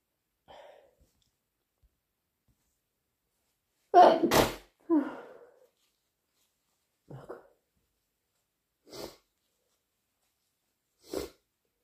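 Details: Sneeze during a cold: soft breathy lead-in sounds, then one forceful sneeze followed by a few short sniffs and catches.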